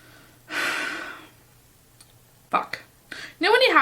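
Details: Person about to sneeze: a sharp inward breath, then short catching breaths and a burst of voice, the build-up to a sneeze.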